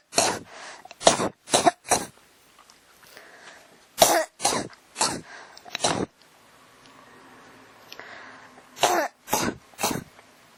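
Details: Coughing that won't stop (ASMR-tagged recording, clip from a 1–28 series): three runs of about four dry coughs each, fourteen in all, with brief pauses; persistent cough.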